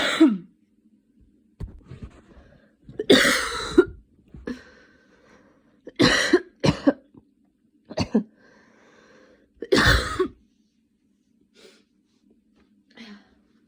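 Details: Person still sick with a cold, recent fever and coughing attacks, inhaler user: about seven harsh coughs, single and in pairs, with quiet breathing and throat noises between.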